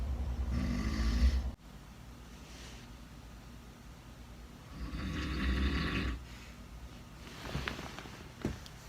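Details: An adult father snores very loudly during real sleep in a shared room. Deep, rattling snores come on two breaths about four seconds apart, with quiet breathing between.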